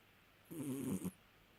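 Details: Sleeping cat snoring: a single short, rattling snore.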